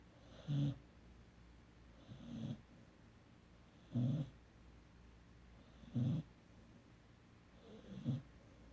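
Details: A 17-week-old sleeping puppy snoring: soft, low snorting snores about every two seconds, roughly 30 a minute.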